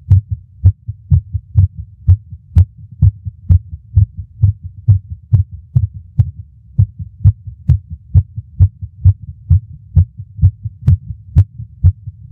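Heartbeat with occasional early, out-of-step beats, typical of premature ventricular contractions.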